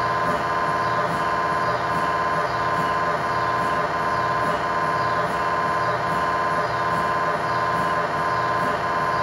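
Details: Test tibia/fibula (lower-leg) MRI scan in a controlled environment with a GE high-definition lower-extremity coil: loud, steady, rapidly repeating buzzing and knocking; normal MRI scanner acoustic noise.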